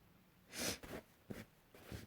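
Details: Loud breathy sneeze-like burst followed by several shorter sharp breaths and snorts, after a build-up of sneezes; sneezing.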